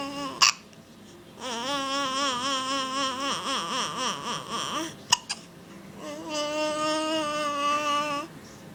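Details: Infant with hiccups: sudden sharp catches, two close together, break up wavering babbling vocal sounds.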